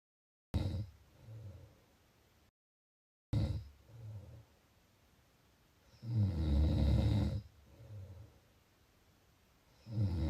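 Rough, rattling breaths in a slow sleep rhythm, some louder and harsher than others: snoring.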